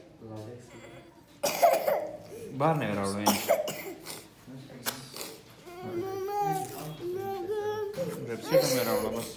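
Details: Child, described as a fever, cough and sore throat patient, crying and fussing in a small room, with a few short coughs between the cries.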